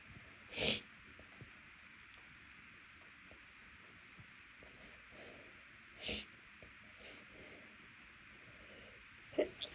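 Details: Stifled sneezes after room and house cleaning, nose irritated by dust and cleaning products (reportedly not allergic to either): short, muffled bursts held back with little voice, separated by quiet room gaps, in sneezing fits.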